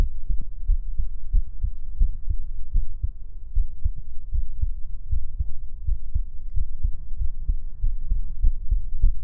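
Fast, regular thumping heartbeat, roughly 150 beats a minute, over a constant low hum.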